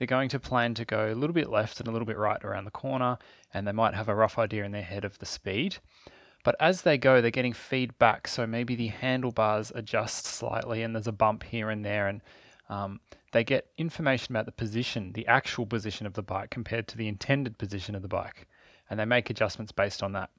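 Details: Adult narrator; typical speech.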